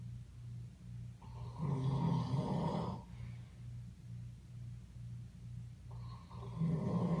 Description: Can anyone tell me what kind of animal makes these kinds of noises in its sleep?